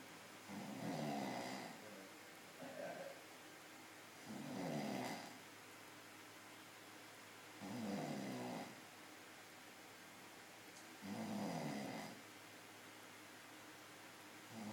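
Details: Very loud snoring during sleep: regular rumbling snores, about 17 breaths a minute, each lasting about a second, with quiet pauses between.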